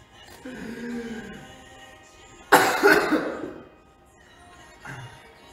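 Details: Sudden harsh cough burst of two or three quick pulses, then a smaller cough, over soft background music; plain cough.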